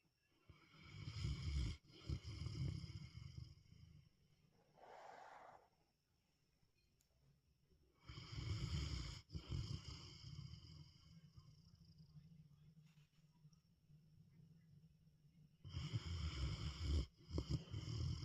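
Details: A sleeping Cane Corso mastiff snoring: loud, deep rattling snores in long bursts with quiet pauses between.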